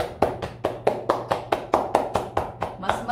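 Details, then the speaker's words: Rhythmic hollow claps about 140 a minute from cupped hands striking the chest, demonstrated for loosening sticky phlegm in cough, colds or lung illness, for children or adults; chest percussion (chest clapping). "Step number two, chest clapping. Ganito. Oo. Chest clapping. Kailangan parang cup yung dalawang kamay ninyo."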